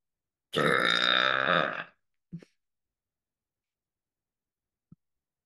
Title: new #burping compilation 🤣